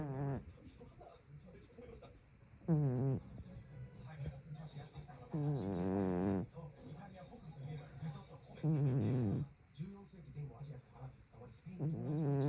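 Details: Sleeping tabby cat snoring with a regular, whistly, tonal snore about 19 times a minute, over faint background talk.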